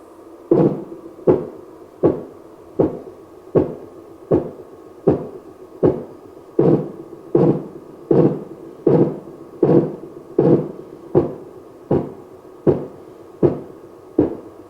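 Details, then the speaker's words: Elderly-appearance training manikin, arm blood pressure measurement, sounds played through an external speaker: regular simulated Korotkoff taps at about 79 per minute: Korotkoff sounds. "and listen for the five corrotocough sounds."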